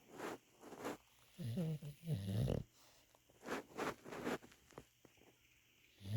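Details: A sleeping English Bulldog, a flat-faced breed, with rough, low snorting snores in second-long bursts separated by quiet gaps; snoring.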